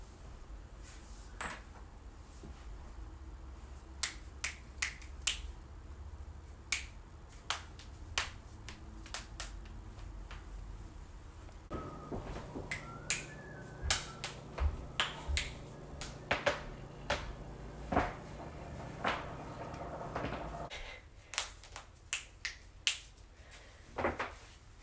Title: joint cracking compilation